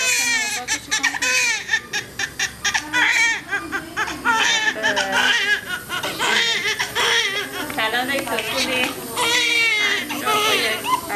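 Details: Newborn baby boy immediately after delivery in hospital, his first cry: loud, repeated, high-pitched, strong-voiced crying amid staff talk and soft background music.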